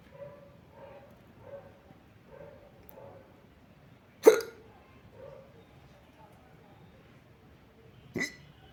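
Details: Hiccups recorded close up: soft repeated catches about every 0.7 seconds, then two sharper, louder hiccup bursts.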